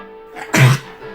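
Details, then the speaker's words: A dog's cough, distinguished from reverse sneezing: a single short, harsh cough over faint background music. "Whoa, wait a second. That one's different. That's not a reverse sneeze. That's a cough."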